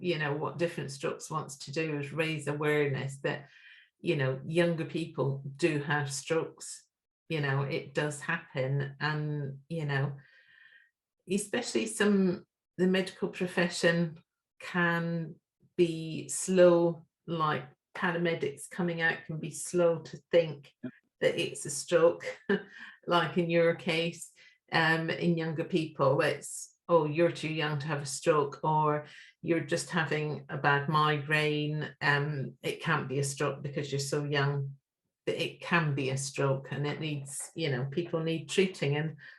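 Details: Adult speaker; normal speech.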